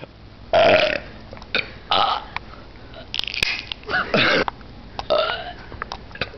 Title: I've fallen and I can't burp up!